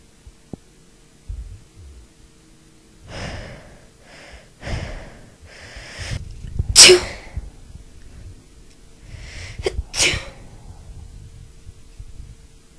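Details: Last three sneezes of a huge sneezing fit after a long buildup: a run of sharp, fairly strong sneezes, the loudest two near the end, with quick breaths and sniffs between.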